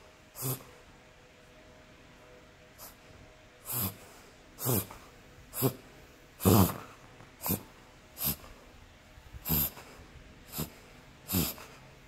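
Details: Terrier with repeated loud snorting inward breaths, about ten over twelve seconds, occurring several times a day; the owner asks whether it is a reverse sneeze.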